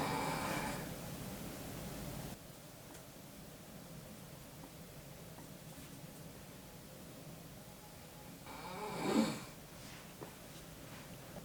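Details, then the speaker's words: Two loud, rough snores on breathing in, several seconds apart, from a sleeping adult man (boyfriend) in a quiet room. "Tiếng ngáy to quá?"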